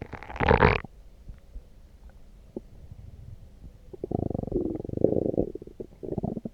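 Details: Loud, low gurgling rumbles in two bursts with a quiet stretch between, after drinking coffee; stomach growling, normal bowel sound (borborygmi).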